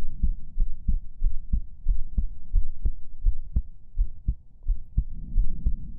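Steady, soft, low thumps repeat evenly under a faint hum, giving a continuous heartbeat rhythm.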